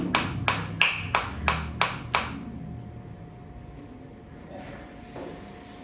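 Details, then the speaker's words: Biotronix focused shockwave applicator, frequency raised from 120 through 158 to 180 per minute, change audible: seven sharp evenly spaced clicks at about 180 a minute, then a faint hum. "धीरे-धीरे frequency को बढ़ाएंगे 150 8 में। आप देख सकते हैं क्या चेंज हुआ है। फ्रीक्वेंसी में आपको चेंज आता दिख रहा है। साउंड के साथ भी पता चल रहा है।"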